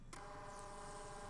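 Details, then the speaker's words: ZOLL Zenix hospital defibrillator/monitor after the print key is pressed to print displayed trace data: a steady mechanical whirring hum starts abruptly as the built-in printer runs off a tracing strip. "La touche imprimée lance l'impression des données de tracé affichées à l'écran. Appuyez une fois pour lancer la pression,"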